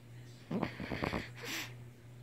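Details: A tired girl sleeping gives a short fluttering, rattling snore then a soft nasal whistle; snoring.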